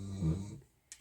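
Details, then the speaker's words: A single low, rumbling snore from a sleeping dog lying very close to the phone, fading out, followed by a faint click. "Désolé pour le ronflement, mon chien s'est allongé très près du téléphone et on l'entend juste"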